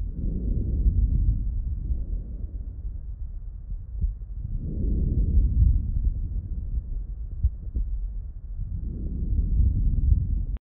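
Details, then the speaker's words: Lung sounds recorded with an Eko digital stethoscope for a phonopneumogram: soft low rushing breath sounds, about three slow breaths, no added noises; normal breath sounds. "Now i'm going to go ahead and show you the phonopneumogram, which is the lung sound, we'll take a"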